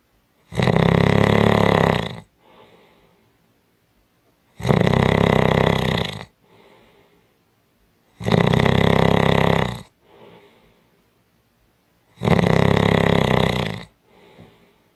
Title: Strong Snoring | 5 Minutes | Audio Clip